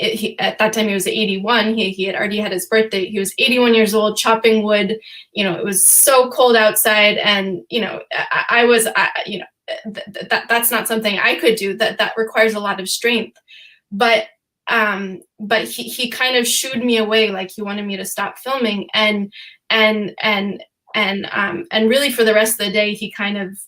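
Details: Real stuttering in an adult woman who says she stutters sometimes, speaking on a panel.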